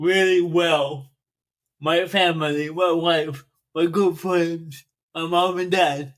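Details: 42-year-old man with cerebral palsy since birth that affects his speech; he makes an effort to enunciate and speak louder. Dysarthria due to cerebral palsy.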